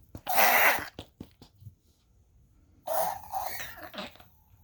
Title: lunas coughing